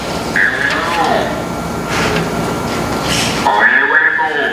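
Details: Intraoral artificial larynx speech, with the device tone delivered inside the mouth via a small tube while articulating normally.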